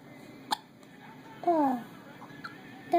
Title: 2 months premature, has the hiccups and all smiles